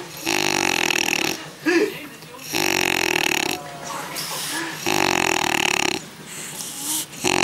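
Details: Man asleep at an outdoor scooter rally: loud, harsh rattling snores on the in-breath, about 26 a minute, with noisy outdoor background; heavy snoring.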